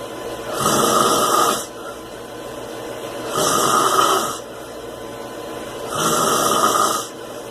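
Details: Overweight man snoring: three long, rough, rasping snores of about a second each with quieter breaths between, about 23 breaths per minute.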